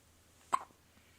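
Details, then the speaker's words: A single faint, abrupt hiccup with a softer echo after it from a 3-day-old newborn in a quiet room. "do you have the hiccups you do you"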